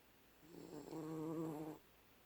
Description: My dog Sydney snoring like a champ.